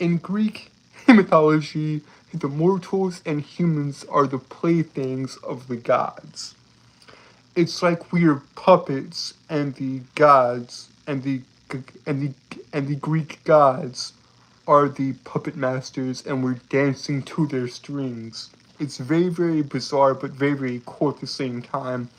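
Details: Lifelong stuttering, described as a speech impediment, in a male streamer.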